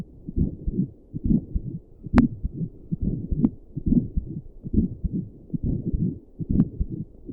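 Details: Adult's own heartbeat recorded by doppler plus stethoscope while sitting at a desk at rest, with visible neck pulse: steady low thumping at about 68 beats a minute with whooshing pulse; regular, normal heartbeat.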